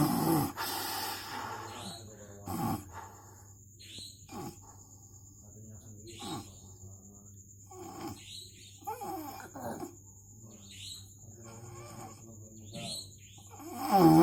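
Repeated rough, throaty snores roughly every two seconds over a steady background hum; loud snoring during sleep.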